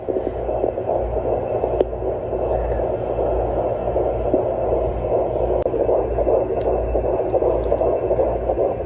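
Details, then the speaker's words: Home Doppler with sound booster gel placed on a pregnant woman's tummy: fast, whooshing pulse at about 150 a minute, consistent with a fetal heartbeat. "o let's see if we can hear a heartbeat yet okay this is not the most flattering positions to be in so I've got the sound booster gel that's supposed to help so I'm going to put this my tummy"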